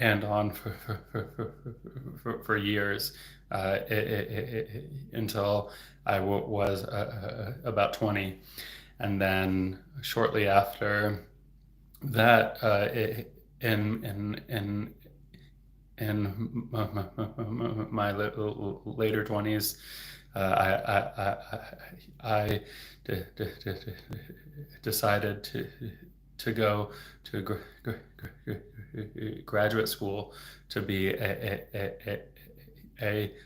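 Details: Adult man who stutters, a speech-language pathologist, who reports getting stuck on words; stuttering.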